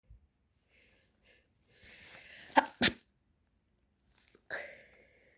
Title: allergy sneezing attack little sister